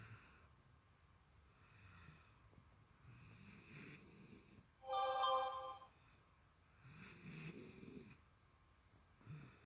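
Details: Sleeping dog snoring with slow, rhythmic breaths, including one louder, tonal, whistling snore partway through.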